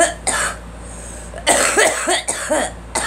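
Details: Girl coughing: a run of several harsh coughs in quick succession over a steady room hum.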